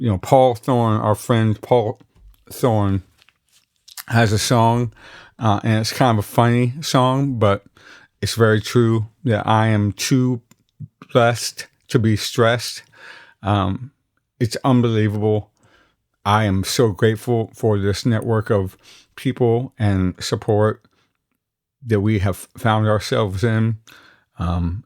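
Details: Articulation disorder in an adult man after hemi-glossectomy removing most of the visible tongue, reconstructed with a flap, with several earlier surgeries; massive speech impediment with altered vowels and consonants and excess saliva.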